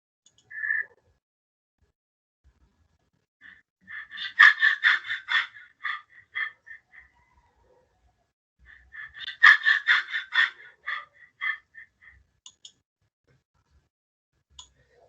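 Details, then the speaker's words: Cheyne-Stokes breathing played for teaching: clusters of breaths that gradually swell then fade, separated by silent apneic pauses, contrasted with Biot breathing's constant breaths and pauses. "Sin embargo, en el de Cheyne-Stokes hay un aumento gradual seguido de una disminución gradual. En el patrón de ondas vemos, ¿no? Que primero disminuye, aumenta, aumenta, luego un periodo de apnea."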